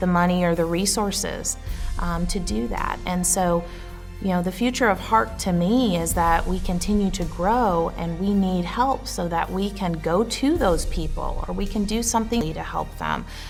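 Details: Adult woman speaking; normal fluent speech.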